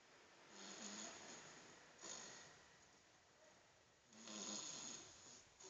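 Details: Ordinary snoring: three rough, fluttering snores over about six seconds, loud on the in-breath, with quiet pauses between.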